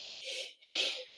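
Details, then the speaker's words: Pleuritic bronchial breath sound (soplo pleurítico) at the upper level of a medium-sized pleural effusion with consolidation: no vesicular murmur, replaced by laryngotracheal sound with an "e" timbre, demonstrated while the patient breathes as if tired. "no voy a escuchar murmurio vesicular porque hay condensación pero en su lugar voy a escuchar el ruido laringotraqueal pero con un timbre ya en e entonces un soplo pleurítico se escucha más o menos"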